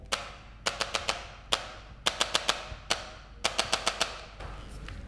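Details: About fifteen sharp mechanical clicks in quick clusters from a percussive adjusting instrument on the jaw joint. It is a chiropractic TMJ adjustment for a patient with jaw clicking, with the mouth held open.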